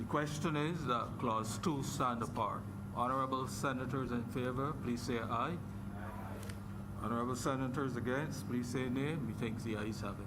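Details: Adult male speaker; Normal voice.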